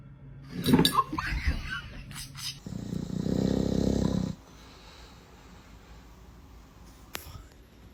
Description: Ranking snoring dog videos🐶😴